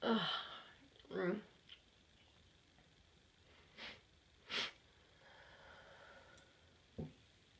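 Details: Several fairly soft, really itchy sneezes and sniffs spaced over a few seconds in a quiet room; sneezing.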